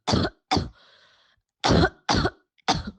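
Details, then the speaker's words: Cough from a symptomatic COVID-19 positive person: five short harsh cough bursts in three seconds, with a brief breathy sound after the second. "when the model is fed the cough of a coveted positive individual who is exhibiting symptoms"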